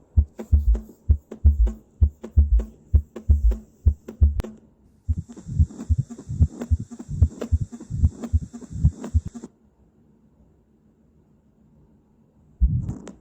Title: Heart Sounds